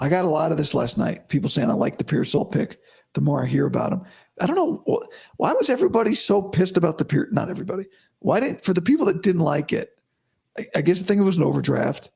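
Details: Adult male host about five to five and a half weeks after vocal cord surgery, voice improving daily but likely unchanged from yesterday after heavy voice use and no sleep; dysphonia after vocal cord surgery.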